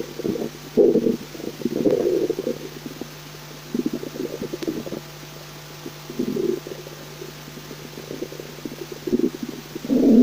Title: The Cream of leek soup trilogy Part 1/3 Stomach growling